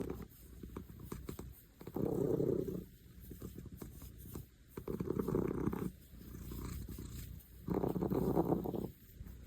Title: 소리필수‼️ 눈 뜨고 코 고는 고양이 A cat snoring with its eyes open #cat #고양이